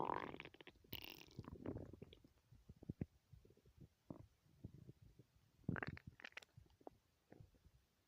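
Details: Stomach growling after not eating for three whole days: irregular low gurgling and rumbling bursts with quiet gaps, from an empty, active gut. Normal borborygmi.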